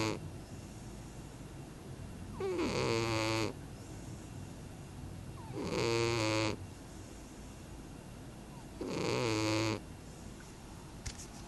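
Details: Rhythmic buzzing, faintly whistling snores from a sleeping cat, about 19 a minute, each lasting about a second; snoring.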